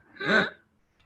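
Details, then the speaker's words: Adult ENT surgeon imitating stridor, a high-pitched inspiratory noise signalling a threatened airway, distinct from stertor: one harsh, high-pitched noisy in-breath. "strider what is strider strider is a high-pitched inspiratory noise that sounds a bit like this"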